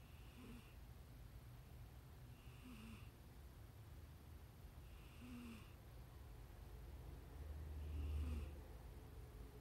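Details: Cat making nasal snorting noises: low, rattly snorts repeating every couple of seconds, nasal stertor.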